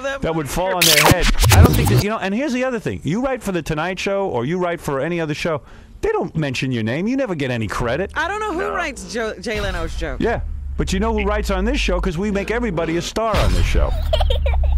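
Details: Adult man; typical speech.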